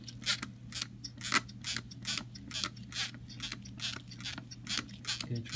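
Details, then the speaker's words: Cerumen impaction removal with an Elephant Ear trigger spray-bottle irrigation device, done by a nurse practitioner student: repeated sharp hissing squirts of water flushing wax from the ear canal over low room hum. "Now, sometimes the pressure by which you pull the trigger is how much pressure goes into the ear."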